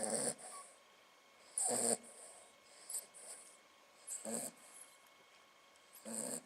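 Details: Short snorting snores about every two seconds, with softer breaths between, from the dog Bonnie curled up asleep in a basin; harmless snoring.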